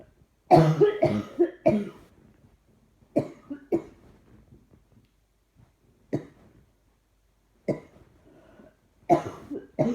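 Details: Persistent repeated coughing: about ten short, dry coughs in clusters with brief pauses; trying not to cough seems to make it happen more.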